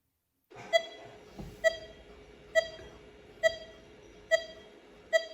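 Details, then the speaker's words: Heart monitor beeps once per heartbeat, about 67 a minute, as a live participant takes three signalled breaths. Heart rate rises on inhalation and the spacing gradually tightens; normal respiratory sinus arrhythmia. "he's going to take three breaths and those three breaths are are going to be related to changes in heart rate as you will hear"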